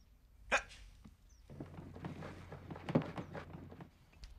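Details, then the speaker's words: Acted vocal tics of Tourette syndrome from a film: an adult actor playing a man with Tourette's gives sudden, short, repeated bark-like and hiccup-like yelps over quiet room noise. "So, I decided it wasn't Tourette's. I just hadn't found the right school yet. I'd keep barking and I wasn't quitting until I found that principal."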